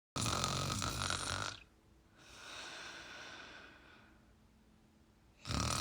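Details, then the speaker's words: Person snoring with mouth open, before a mouth-tape demonstration: loud, harsh snore on an inward breath, then a quieter rush of breath and another loud snore. "That's pretty bad. I bet you can't snore louder when you close your mouth. Watch compared to right. It's much quieter when your mouth is closed."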